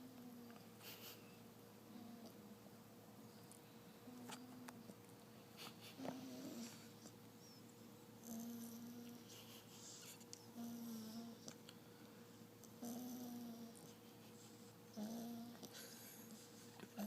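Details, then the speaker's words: Soft whistling snores about every two seconds, 26 a minute, over steady room hum from a 9-week-old English bulldog puppy sleeping with eyes open; snoring. "Oh, she's up. Right back to snoring. She's sleeping with her eyes open."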